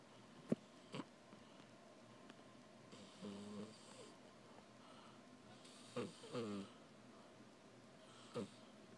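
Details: A sleeping cat snoring like a person: short nasal snoring snorts and soft whistling breaths, with a few sharp clicks, in a quiet room. Snoring.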